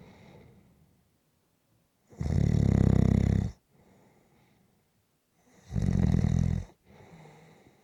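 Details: Loud, rough, rattling snores on breathing in, about 3.5 seconds apart, with quiet breaths out between: snoring.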